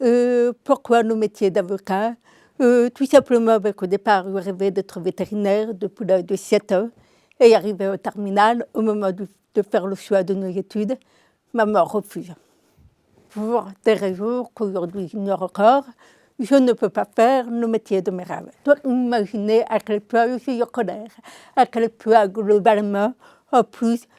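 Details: Deaf speech in an adult woman with congenital deafness diagnosed at 9 months; she learned to speak through 20 years of speech therapy, three sessions a week.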